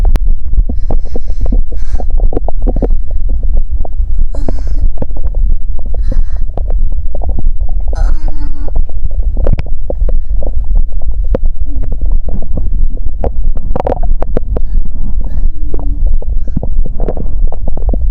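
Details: Stomach growling during period pain, in an immersive recording: frequent low gurgles, squelches and rumbles from the belly, typical active bowel sounds (borborygmi).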